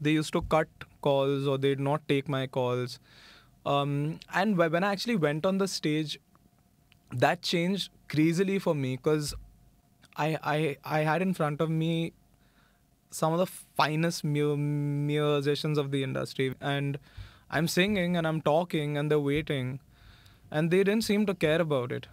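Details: Stuttering (stammering, described as neurological) in a 26-year-old man who has stammered for as long as he can remember; it occurs only some of the time and not when he sings.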